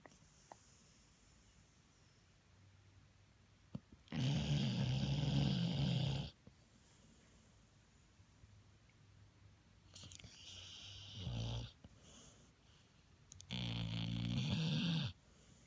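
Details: Long, loud, rattling snores about two seconds each, three breaths in fifteen seconds, from a sleeping pit bull dog; snoring.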